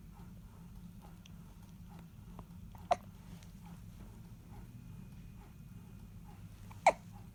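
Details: Infant: two soft, abrupt hiccups about four seconds apart against quiet room noise; hiccups.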